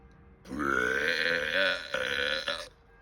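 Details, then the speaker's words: A deliberate burp, shown as a burping demonstration: one long, loud, rumbling voiced belch of about two seconds, with brief breaks near the end. "druhý způsob krkání je že polkneme"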